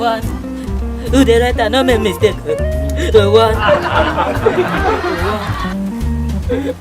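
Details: Acted stuttering: a comedy skit character who stammers calls out a phone number; the stammering is performed for comedy, not real.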